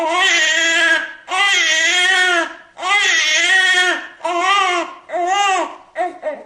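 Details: Newborn baby crying: loud, high-pitched wails of about one second each with short breaths between them; newborn cry.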